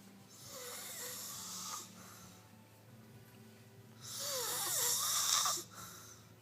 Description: Snoring, noise sleep, loud, funny